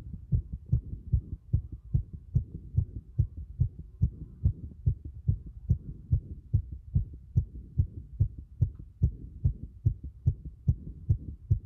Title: 心尖部で録音した早い心臓の音